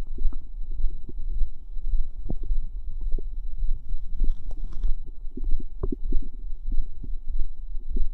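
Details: Continuous low gurgling, bubbling and squelching with frequent soft pops from the stomach; active bowel sounds (borborygmi).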